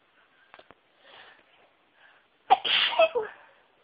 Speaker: Oh, I need to sneeze. Chew. Excuse me.